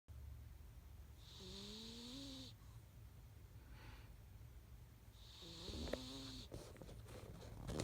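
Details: Female cat sleeping and snoring loudly, with two long, loud rattling snores with a faint whistling edge over steady low room noise; snoring.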